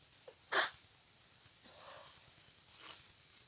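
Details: Congested cold with all-day nose tickling, dizziness and headache: a single short sneeze followed by soft breaths over background hiss; sneezing with a congested cold.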